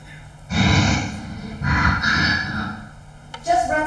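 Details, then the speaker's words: Sharp inhalations between spoken phrases, resonating in the vocal tract with a hollow throat-and-mouth ring; breath volume proportional to what the speaker expects to say next. "so the volume of air that you eat between sentences between pauses is proportional to what to expect to be saying and it is a sharp sound that resonates in your vocal tract and those resonances have package"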